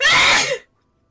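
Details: One loud, explosive, hissing burst ending abruptly, from a sneeze compilation; a single sneeze.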